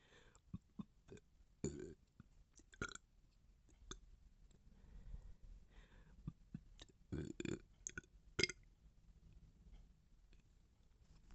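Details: Bloated, gassy burping; belching.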